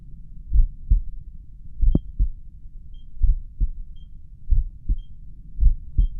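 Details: Own heartbeat at rest, stethoscope probably at the mitral area: slow, regular paired heart sounds about 50 a minute, pulse oximeter's low-heart-rate alarm beeping; bradycardia.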